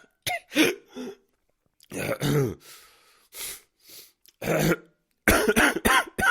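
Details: Bad adult male cough sound effect: harsh, repeated coughing in irregular bursts with voiced throat-clearing and gasping breaths between them.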